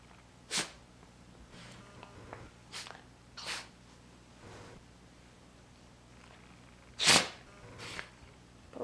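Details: Dog with a bout of sneezes: about five short, sharp, hissing sneezes spaced irregularly over several seconds in a quiet room.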